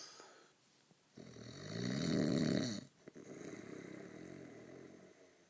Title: Schnarchen